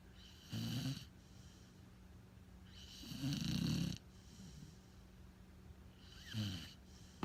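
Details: Sleeping Pitbull dog snoring: low rattling snores in three bursts, one with each breath, over a faint steady hum.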